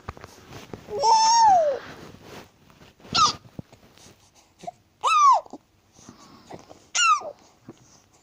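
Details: Baby sneezing fit: short, high-pitched bursts with about three sharp sneezes a couple of seconds apart, mixed with small vocal sounds.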